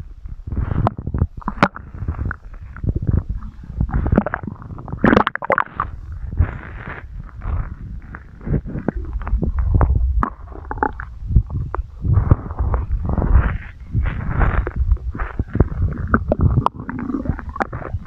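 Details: Long, irregular low gurgles and rumbles with scattered pops; stomach growling (borborygmi).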